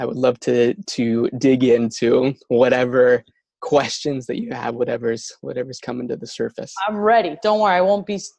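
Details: Adult who stutters, with words and syllables getting stuck and not produced at the right time; stuttering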